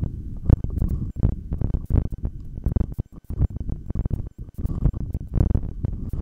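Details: Heartbeat through a stethoscope during a breath-hold: regular low thumps about 80 per minute, no breath sounds, some rubbing noise; stomach growls occur in the recording.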